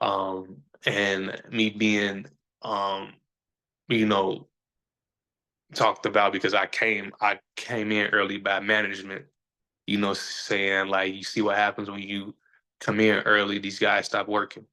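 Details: Stuttering in a male podcast host who says people see or hear his stutter, that he is still sometimes a little insecure about it, and that years ago he felt he had to hide it.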